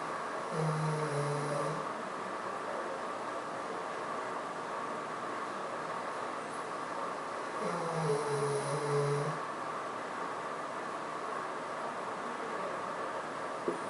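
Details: Honey, a 14-year-old mixed-breed dog at the vet, calm and asleep after respiratory distress, panting, vomiting and falling, treated with two shots: two slow, low, rattling snores about six seconds apart.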